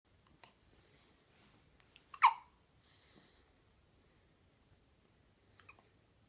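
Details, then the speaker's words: A single sharp, squeaky hiccup in a quiet room, with a few faint similar sounds around it: a little squeaker hiccup. "Little squeaker hiccup."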